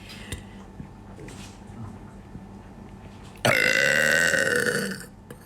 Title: Burping it's not that difficult after all watch this techniwque